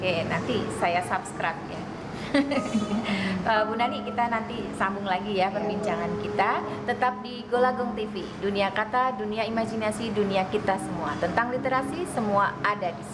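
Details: Adult female speaker; ordinary speech.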